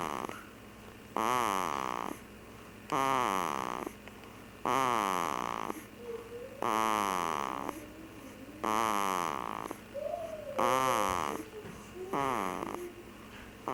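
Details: Loud rhythmic rattling snores on each breath, about 33 a minute, with quieter pauses between, over steady room hum.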